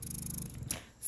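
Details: Spectra S2 electric breast pump running, with adjustable cycle, timer and vacuum: soft, steady low motor hum with rapid rhythmic pulsing, then a brief hiss of air release.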